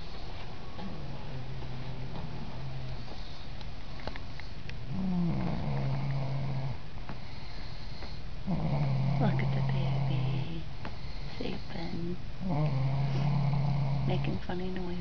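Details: Soft, low, droning snores with each breath, recurring every few seconds from a sleeping animal described as a cute girl, with babies sleeping nearby; faint background noise.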